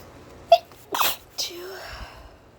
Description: Feeling stuffy so I decided to induce.